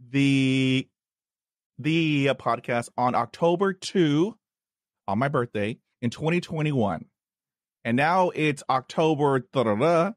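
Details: Stuttering in an adult man, attributed to a head injury from a dog attack at age five, which he calls neurogenic, with word repetitions.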